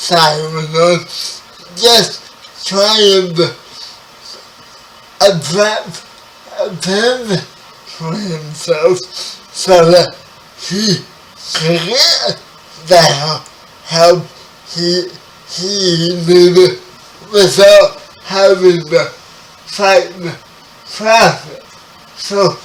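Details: Dysarthria in a 30-year-old man with spastic quadriplegic cerebral palsy, who was born 11 weeks premature.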